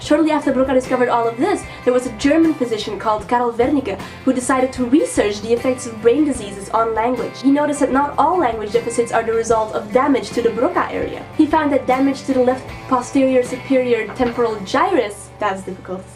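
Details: Adult female narrator; normal speech.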